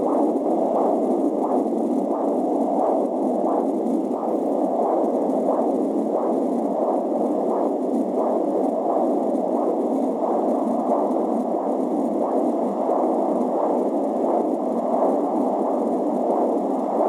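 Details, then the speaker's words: Umbilical cord blood flow recorded with an AngelSounds home fetal Doppler: a rhythmic pulsing whoosh over steady static, with a baby kick noted near the end. "so dann hören wir uns jetzt mal die Nabelschnur an"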